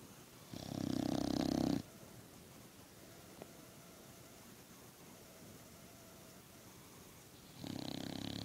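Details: Sleeping female boxer dog: two loud, buzzing snores several seconds apart over steady room hiss; snoring.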